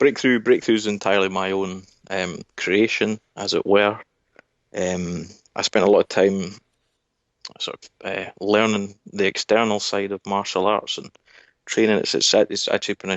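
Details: Adult man speaking; Normal adult speech.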